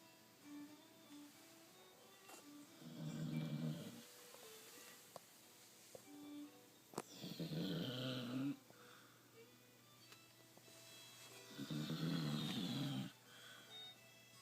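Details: Sleeping Corgi dog snoring while dreaming: three low, rumbling snores over about 14 seconds, roughly 13 a minute.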